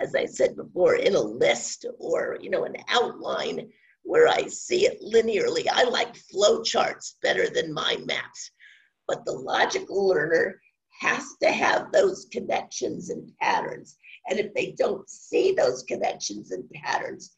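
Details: Adult woman with spasmodic dysphonia, onset around 2010, progressively worsening, no cure; awaiting a Botox injection that was postponed; spasmodic dysphonia.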